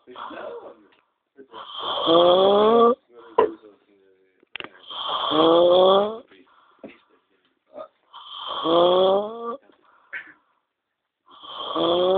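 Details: Funny snoring: loud, strongly pitched, whistling snores with a rising squeal and clicks between, about 19 a minute, with an unusual, almost vocal quality.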